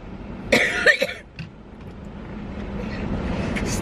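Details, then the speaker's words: Adult woman with cystic fibrosis coughing outdoors near a street crosswalk: three quick cough bursts over traffic noise. "I'm sincerely curious what people think. Mm hmm. [coughing] When I'm standing in there...coughing."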